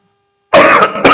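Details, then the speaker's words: Adult male lecturer, unwell in bad weather and coughing repeatedly: after a brief silence, a short harsh cough with a throat-clearing quality, then a second smaller burst; cough. "इसलिए बार-बार आपको खांसी सुनाई दे रही है।"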